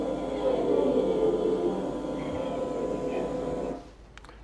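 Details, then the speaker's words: Child with acute breathlessness and visible effort of breathing, costal recession and puffing cheeks: a long, musical, whistling breath-out, an expiratory wheeze. "so we've got a noise and expiratory noise I think most of us would say squeezing"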